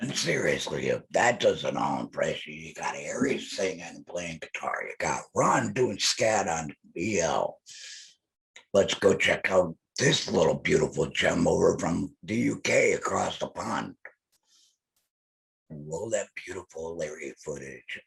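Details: Laryngectomee man speaking with an electrolarynx held to his neck, his only form of communication; electrolarynx speech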